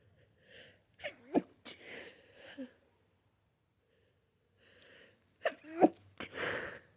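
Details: Sneezing fit in a person with a severe flower allergy: two bursts of sneezes, each preceded by a sharp indrawn breath, in a quiet room.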